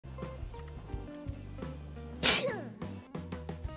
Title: SNEEZE